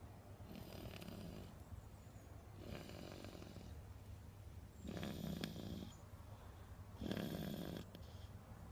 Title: It's a hard life! Snore fest